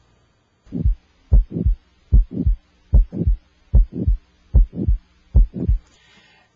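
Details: Electronic stethoscope over the aortic area, with S1 timed to the radial pulse. Regular paired lub-dub beats at about 74 a minute with quiet gaps and no murmur. Normal heart sounds.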